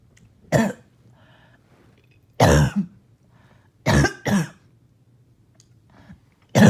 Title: More Barking Cough